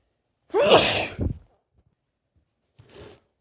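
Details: Itchy sneezing: one forceful sneeze with a sharp burst of air, followed a moment later by a softer sniff or breath; sneezing.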